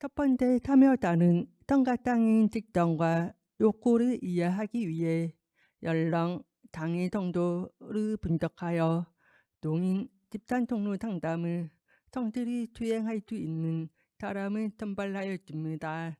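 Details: Deaf adult woman with a left-ear cochlear implant, received about two years earlier, followed by speech-language therapy; deaf speech (cochlear implant user).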